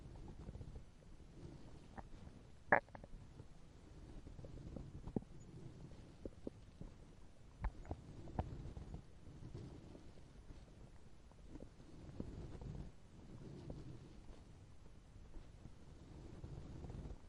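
Low, rolling gurgles with scattered short pops over a quiet background; ordinary stomach growling, bowel sounds often linked to hunger.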